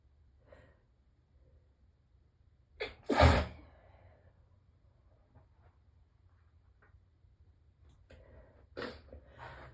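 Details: Morning allergy sneezing, muffled with tissues pressed tightly to the face: a sharp gasp then a strong sneeze, later another sneeze dampened by the tissue.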